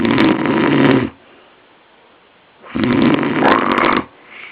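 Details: Sleeping man later diagnosed with chronic sleep apnoea: two loud, harsh, rattling snores, each about a second long, with quiet between; heavy snoring.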